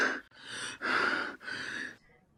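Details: Gasping respirations in a patient in severe respiratory distress heading towards respiratory failure.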